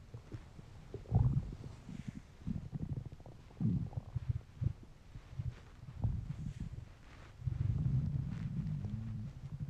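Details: Low gurgling and rumbling stomach noises rising and fading over several seconds; ordinary hunger-related bowel sounds (borborygmi).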